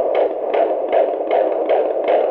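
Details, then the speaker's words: Rapid, regular whooshing beats about 150 a minute: a fetal heartbeat on Doppler heard at the 16-week midwife appointment, recalled by the mother now at 24 weeks. "Today I heard your heartbeat. Heard the heartbeat at the last midwife appointment at 16 weeks."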